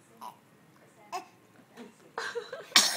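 Several short bursts of sound, including a couple of brief coughs and a louder burst at the end, in a quiet room.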